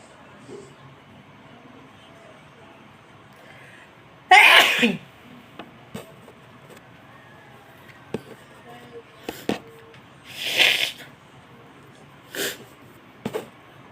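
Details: Two loud, sharp sneezes with softer bursts and breaths in a quiet room, ordinary tickling sneezes.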